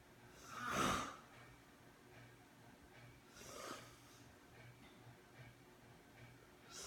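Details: A friend asleep, snoring with two snorting breaths about three seconds apart in a quiet room.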